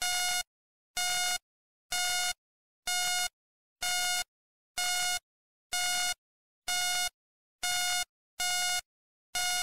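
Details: Steady, evenly spaced electronic beeps at about 63 per minute against silence: the pulse tone of a hospital patient monitor.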